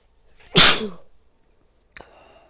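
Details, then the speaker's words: Acted, simulated sneeze: after trying to stifle it with a finger under the nose, blamed on guinea pig allergy, a single loud, sharp sneeze fading quickly, then a faint sniff; sneezing. "I can't hold it back. I'm gonna have to let these sneezes out. It just tickles too much."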